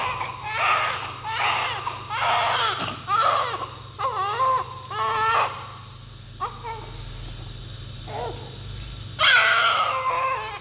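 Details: Newborn still covered in vernix caseosa, crying immediately after birth: strong, repeated bursts of crying with pauses to breathe, a vigorous first cry.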